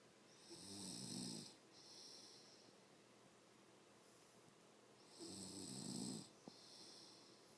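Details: Adult mother snoring in sleep: two loud, rough snores on breaths in, each followed by a hissing breath out, in a quiet room.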